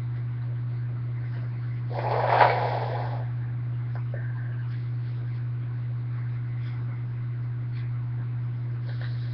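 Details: A person with a cold gives a single short, forceful sneeze over a steady low electrical hum in a quiet room: sneeze.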